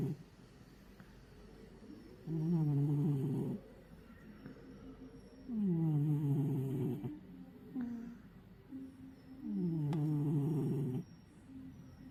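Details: Cat in deep sleep snoring: slow, regular rumbling snores on each breath, about 17 a minute.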